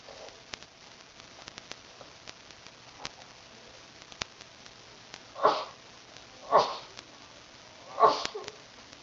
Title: Sneezing 3